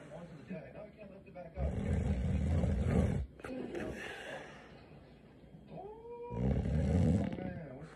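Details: Snoring from a sleeping female, likened to a diesel motor: loud, deep, rattling snores on two breaths in, roughly 13 breaths a minute, with quieter breathing between.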